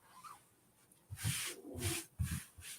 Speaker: oh that was my stomach did you guys hear that how rude I'm hungry